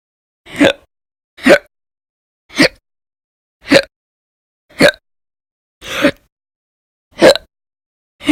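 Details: Repeated violent, loud hiccups, eight sharp abrupt gulping sounds at about one per second separated by silence, from a person whose hiccup episodes lasted many hours a day in December 2019; recorded between January 1 and 31, 2020.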